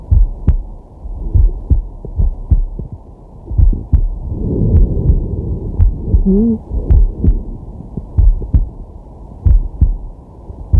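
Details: Male, relaxing at rest, digital stethoscope on the chest: slow, steady heartbeat near 50 a minute with slow deep breaths and some rubbing noise; normal heart and breath sounds.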